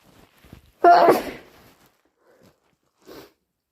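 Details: Induced hay fever sneeze: one loud, explosive sneeze followed by a faint sniff and a breathy exhale; single sneeze.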